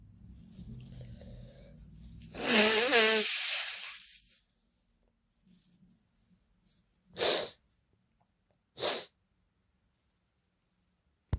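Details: Sneeze provoked by a partner trying to make them sneeze: one drawn-out, loud sneeze-like burst with a wheezy, whistling quality, then two short nasal bursts; sneezing.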